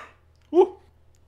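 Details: Adult announces a sneeze and then sneezes; an ordinary sneeze.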